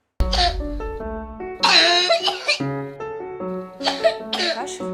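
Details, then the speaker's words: Cough with tracheitis/bronchitis, from a pediatric clinic's demonstration of cough types; several harsh, wet-sounding coughs in three bouts over background music: bronchitic cough. "при трахеите бронхите [музыка]"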